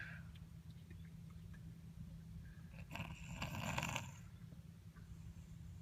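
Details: A sleeping young boy snores like his dad: a single rough, rattling snore partway through over a steady low room hum.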